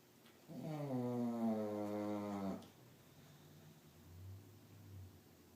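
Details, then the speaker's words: Dozer, sleeping: one long, low rattling snore lasting about two seconds, followed by quieter breathing in a still room; snoring during sleep. "I swear, I don't know how you guys can get any sleep around here."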